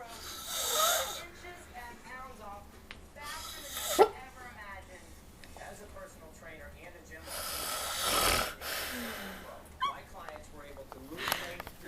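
Irregular loud rasping snores with snorts and wheezy, whistling breath noises, mixed with some background rustling.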